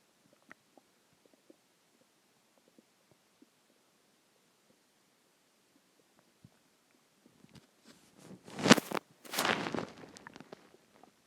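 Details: Normal bowel sounds (borborygmi) a few hours after a huge meal: near-silence with faint clicks, then a brief loud gurgling rumble of about two seconds.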